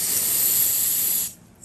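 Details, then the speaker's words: Cold vapocoolant spray on the toe of an 18-year-old male with an ingrown toenail, given before a local anaesthetic injection: about a second of sharp, steady hissing that then stops. "okay i'm gonna put your foot just there like that there you go okay here comes the cold spray"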